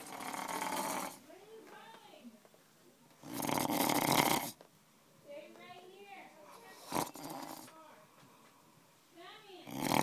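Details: Loud, harsh snores about every three seconds from a person asleep during a tamale-making day, with other people talking quietly in the background.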